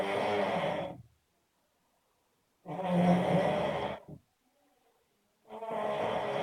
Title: Sick snoring :D